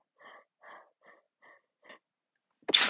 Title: Just laying in bed half-stifling an induced sneeze fit